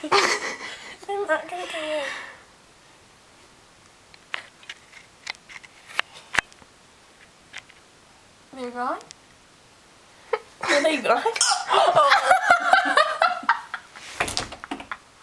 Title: hilarious hiccups